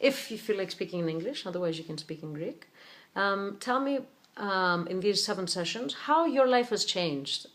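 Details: Adult speaker (interviewer); normal voice.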